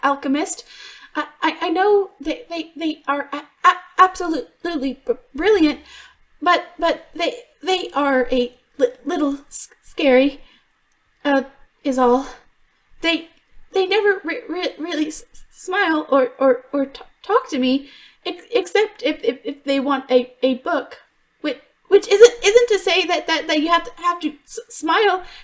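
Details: Adult woman voice actor who stutters in real life (worse when extremely stressed), performing an acted stuttering character; some stutters in the recording are genuine; in character, the stutter is called a deep-rooted psychological issue that fixes haven't cured: stuttering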